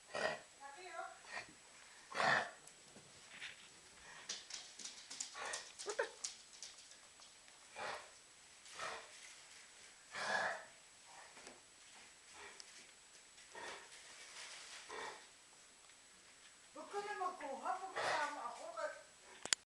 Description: In this video you'll hear what Kennel Cough sounds like.